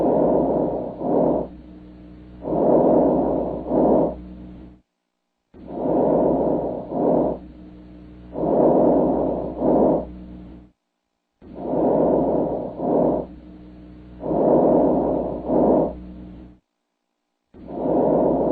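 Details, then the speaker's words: Diminished vesicular breath sounds, presented as an NCLEX teaching example: soft, low breaths with shorter inspiration and expiration and no wheeze, seeming more laboured, about 10 a minute; possible causes given include early pneumonia or mucus. "now did you notice the difference between a normal vesicular breath sound and a diminished vesicular bath sound they basically sounded the same didn't they but the second sound was shorter there was no wheezing or anything like that but it seemed more labor"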